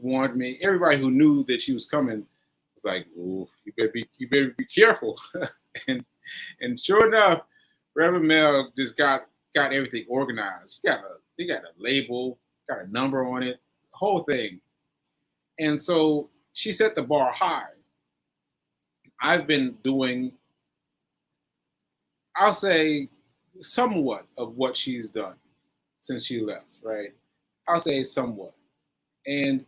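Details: Aphasia in a male stroke survivor, stroke on 7/14/22, recorded about a year later (7/4/23) during ongoing recovery.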